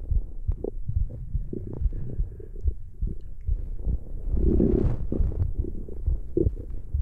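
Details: ASMR stomach growling: irregular low gurgles, rumbles and bubbling squelches from the belly; borborygmi.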